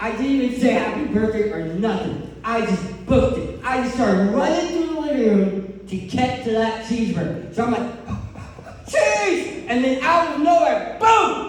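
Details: Adult male who lost 80% of his tongue to cancer, leaving a permanent speech impediment; articulation impairment after partial glossectomy.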